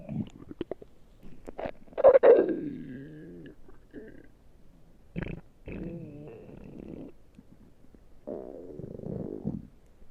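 Low, drawn-out gurgling and rumbling from the belly, coming in several bursts: ordinary stomach growling.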